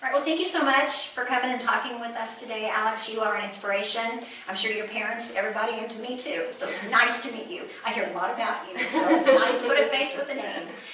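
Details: Adult woman; normal speech.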